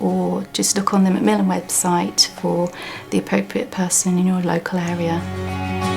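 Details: Adult speaker; Typical adult speech.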